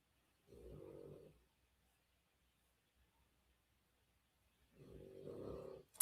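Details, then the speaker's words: Sleeping dog gives two loud, rumbling, throaty snores about four seconds apart, with quiet room noise between; snoring. "And again, I would like to remind everyone if you hear that snorting noise, that is the dog snoring. Don't try to like say that the sound is anything else. I'm telling you right now, it's so loud and weird."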